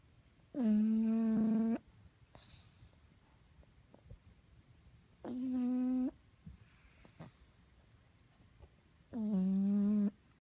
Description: Our poor pug guy has a little issue. This dog will wake the house up with his snore.